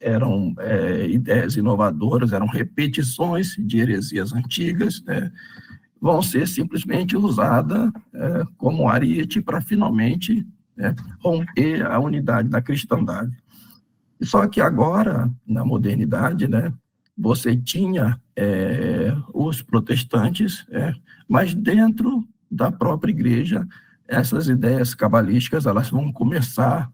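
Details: Adult male with spasmodic dysphonia treated with toxin injections; voice worse than at the previous recording as the toxin wears off 3–4 months after injection, with the next injection due in early July; spasmodic dysphonia.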